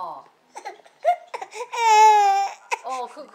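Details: Baby being burped after feeding: short fussy whimpers rising into one sustained high-pitched cry, then settling into brief whines; infant crying.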